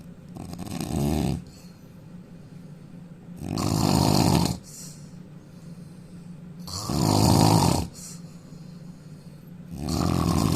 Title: indian man snoring loudly 🤣